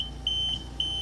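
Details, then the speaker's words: Fast intermittent high-pitched beeps over a steady machine hum: a Homefill/Perfecto2 oxygen concentrator flow alarm, triggered here by kinked tubing. "so if you actually have a kink in your tubing alarm will sound it's gonna be a fast intermittent beep so as you can hear it's a fast"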